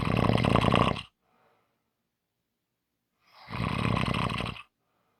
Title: Short snoring Audio